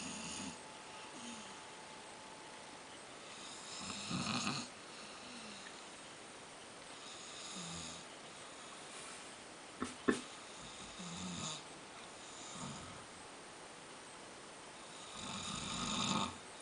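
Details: An adult man snoring in his sleep: rough, rasping snores with quieter breaths between them, about six over sixteen seconds, and a brief knock partway through; snoring.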